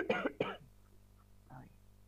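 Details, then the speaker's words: Adult woman sick with flu and a heavy cough: two quick, harsh cough bursts, then a faint short sound and a quiet room; acute cough. "perdón que estoy con mucha tos porque estoy con gripe, estoy enferma. Así que voy a estar tosiendo todo el rato."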